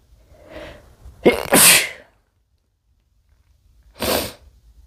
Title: male sneezing from chinkni